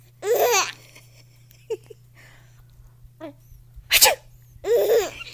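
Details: A young son laughing at the sounds of sneezing: short, sharp sneeze-like bursts mixed with giggling breaths and a small laugh, sneezing blending into laughter.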